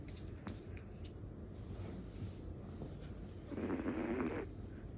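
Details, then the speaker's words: Sleeping dog snoring very loudly: low rumbling, snorting breaths against steady room noise, ending in a louder nasal snore. "มาดูหมานอนกรนนะคะทุกคนกรนดังมาก"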